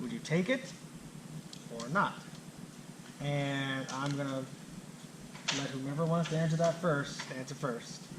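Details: Adult who stutters, himself a clinician specialising in stuttering and fluency disorders; stuttering during public speaking that he reports makes him anxious.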